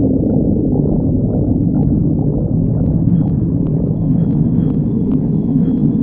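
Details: Steady low rumbling with faint gurgling throughout; ordinary stomach growling (bowel sounds).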